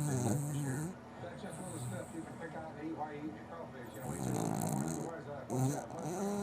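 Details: Rough, rattling snoring sounds repeating with each breath, with faint room noise; ordinary snoring.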